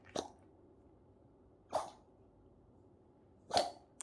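Three short, sharp sneezes from a dog, spaced about 1.7 seconds apart, in a quiet room.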